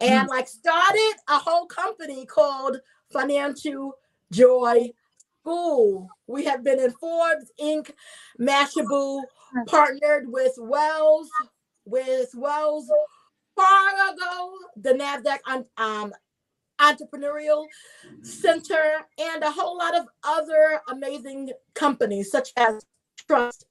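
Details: Adult woman, a self-identified stutterer who is also a traumatic brain injury survivor, with stuttering: she gets stuck on words and repeats words.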